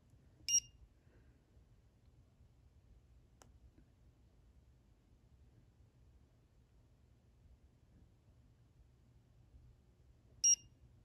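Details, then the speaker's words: Dental curing light set for 20 seconds to cure a liner placed in a deep cavity preparation: two short high electronic beeps about ten seconds apart, the first at 10 seconds, in a quiet room. "we use our curing light which you've seen in a previous video and we set it for 20 seconds so first beep is 10 i'll then touch it again"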